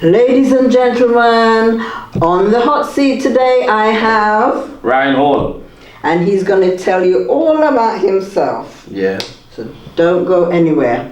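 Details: Adult speaker (interviewer); normal speech.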